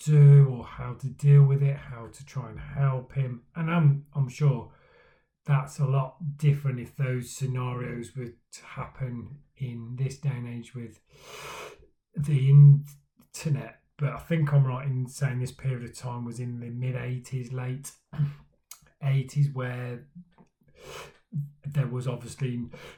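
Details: Male speaker who stammers, talking about his own stammering journey; stuttering (stammering).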